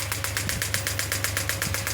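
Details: Biotronix pneumatic shockwave therapy physiotherapy device firing: rapid regular sharp clicking pulses, about eight per second, over a steady low hum.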